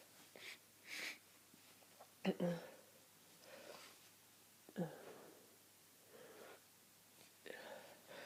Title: Sniffs, sneezes, coughs and blows - full of the cold!